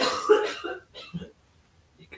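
A harsh adult cough followed by two smaller cough or throat-clearing sounds in a quiet room.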